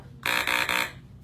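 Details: Electrolarynx buzz: a young boy without a natural voice learns to hold the device flat against his neck to speak, producing a steady, harsh mechanical buzz of about half a second.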